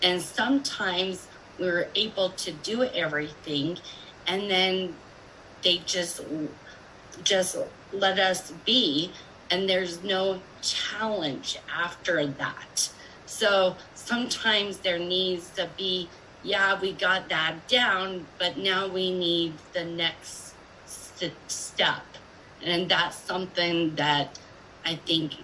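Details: Adult woman with aphasia speaking in a group video of people with aphasia: aphasia.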